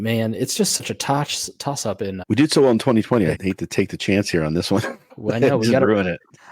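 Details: Adult man speaking; Normal speech.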